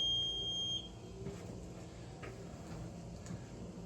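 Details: A Philips Respironics UltraFill home oxygen concentrator switched on at its front power switch: a high, steady electronic beep under a second, then a low running hum; the normal power-on alarm.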